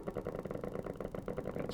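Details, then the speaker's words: Needle EMG of upper extremity muscles in a demonstration: rapid, regular, crisp popping of firing motor units, normal motor unit potentials with normal shape, amplitude and duration. "nice motor units those are all normal shape a normal amplitude normal duration and relaxed"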